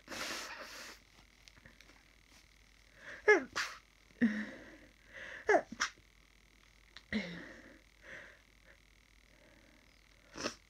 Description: Today I woke up sniffly and have had some sneezes. Feels like the start of a cold, oh no!